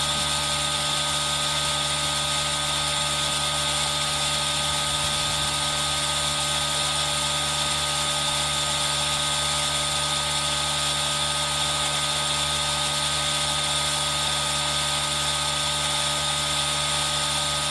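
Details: Aerosol nebulizer compressor running, recorded with rain sound for ASMR: steady loud mechanical hum and hiss; nebulizer running.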